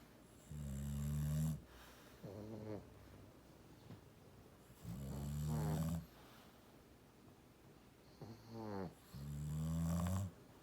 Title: Snorey snores